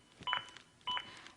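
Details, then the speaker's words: Zoll AED Plus demonstration: the CPR metronome gives two short electronic beeps about 0.6 seconds apart, synchronized to chest compressions and pacing them to at least 100 per minute; it pauses for rescue breaths. "if you do stop compressions like I am now to give 2 breaths the metronome stops when I start back up the beeps begin again and are synchronized to my compressions and again speed me up to at least 100 compressions as recommended by the American Heart Association"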